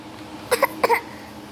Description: My little 8 month baby just loves to fake a cough everytime she hears the words CORONA VIRUS ...she is so cute and funny.